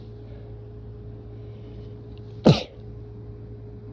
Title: Rapid, strong, sick sneezes and nose blow